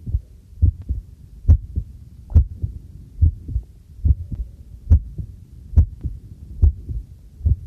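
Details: Own normal heartbeat recorded with a homemade field stethoscope microphone during housework: steady paired low thumps about 70 per minute, with faint clinking and running tap water behind.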